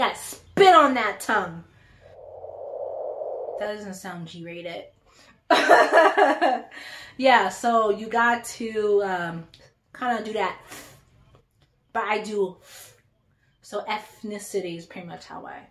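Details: Adult woman who stutters.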